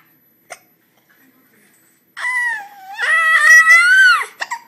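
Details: A girl giggles while she has hiccups: a single brief hiccup click in quiet, followed by a drawn-out, high-pitched giggling sound.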